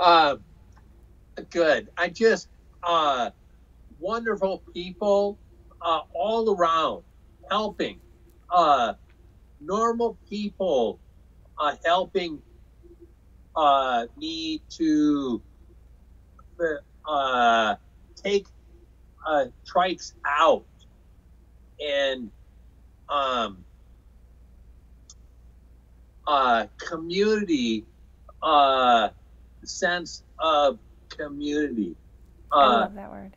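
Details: Aphasia in a man after a 2005 stroke caused by hereditary hemorrhagic telangiectasia (HHT); told he would never talk again; talking was hardest part of recovery; says he had or still has aphasia.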